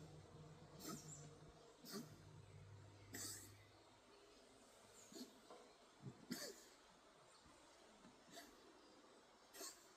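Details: 16-year-old Siamese cat coughing: faint, short, dry cough-like bursts, several spaced over ten seconds against quiet room noise.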